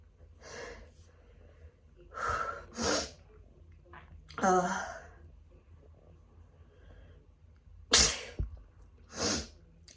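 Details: Adult with autumn allergies sneezing just after coming in from a walk: a run of several forceful sneezes with gasping in-breaths between, leaving them lightheaded.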